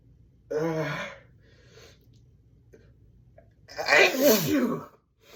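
A strained, voiced sound held back, a pause, then one forceful explosive sneeze from an adult.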